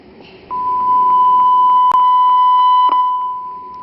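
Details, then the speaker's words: Steady, clear mid-pitched alarm tone with faint ticking and a brief click: a ventilator alarm volume test tone, heard while the alarm volume is adjusted by knob or touchscreen during a walkthrough of the ventilator's lower keys. "the next one is the alarm volume so I can use the knob or I can use my finger on this"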